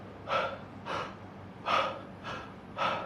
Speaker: मतलब वो गैस्प करता है, मतलब वो कोशिश करता है कि जो एकदम से एपनिया, इसे ऑब्स्ट्रक्टिव स्लीप एपनिया,